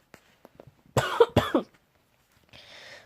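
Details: Two quick, moderately forceful coughs and a soft breath in a quiet room; cough.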